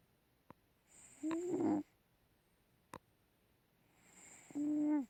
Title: My cat milo snoring